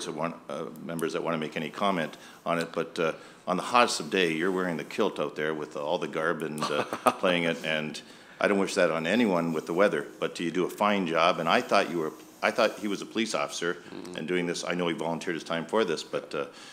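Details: Adult man speaking in a meeting room; Normal speech.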